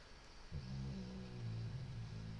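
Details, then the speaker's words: A sleeping dog snoring in the background during a game session: low, rumbling, fluttering snore heard faintly against quiet room noise. "y if you can hear that snoring it's not a commentary on our game play it's a dog"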